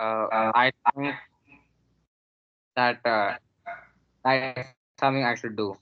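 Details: 13-year-old boy whose stutter affected about 30% of his words, much improved with the Neuroscience Method, with no major stuttering incident in over a month; stuttering.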